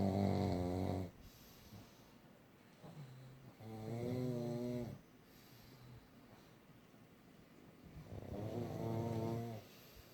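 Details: Pugs snoring together in their sleep: loud, drawn-out rattling snores about every four seconds, each lasting over a second, with a low buzzing tone. Ordinary snoring from small dogs.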